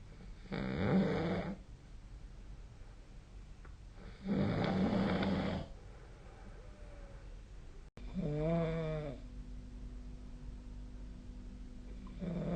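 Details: Adult snoring during sleep: loud rough snores on the in-breath, about one every four seconds, with a pitched rattly snore near the end.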